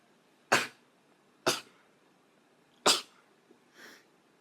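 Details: Young Japanese woman sneezing: three sharp, high-pitched sneezes in quick succession, then a softer fourth; ordinary sneezing.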